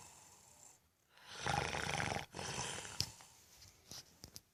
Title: Fat guy snoring